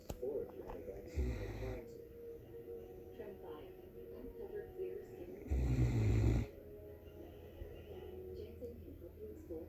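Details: Great Dane dog snoring in sleep: two deep, low, rumbling snores over background television talk and music.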